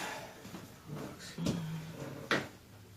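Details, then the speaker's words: Two sharp cracking pops, the second louder, during chiropractic spinal manipulation; joint cavitation from the adjustment. "my god, that was a big one. Yeah, wow. I never heard that."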